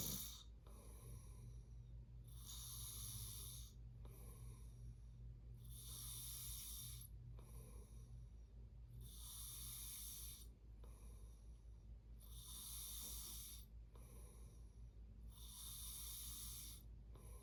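Regular rough snoring noises on each breath in, about 7 breaths a minute over a steady low background hum.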